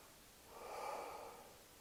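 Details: Nurse auscultating a patient's anterior chest at the fourth intercostal space (left upper lobe, right middle lobe): normal breath sounds.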